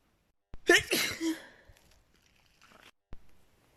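One sharp, explosive sneeze after a quick inhale, then faint breathy sounds and a click. A single sneeze from a sneezing fit.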